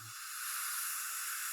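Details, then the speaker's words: Steady high-pitched airy hiss of a dental micro-etcher (air abrasion) blasting the tooth surface to remove the glaze, surface preparation before placing Lumineers veneers on a young woman; patient asked to hold her breath. "and we're going to get started with surface preparation on the teeth and my first step is to take the micro edger and I don't want you to breathe now for a second just don't breathe"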